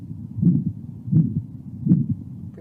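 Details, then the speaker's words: Elderly man with aortic stenosis, rate-controlled AF, low-volume pulse, normal JVP and apex: high-pitched, loud ejection systolic murmur, heard with him rolled to the left, then sitting forward with breath held after expiration. "Mr. Dono is an elderly gentleman with signs of aortic stenosis."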